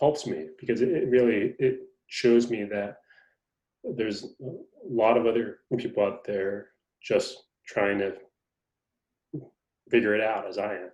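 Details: Adult male reporter who is a person who stutters; stuttering.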